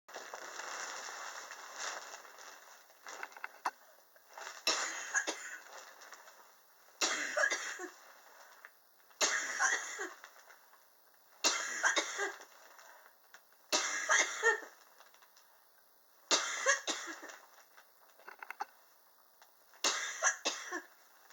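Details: An adult's prolonged cough, said to be triggered by extreme indoor temperatures: a long run of evenly spaced, harsh coughs with short pauses between them.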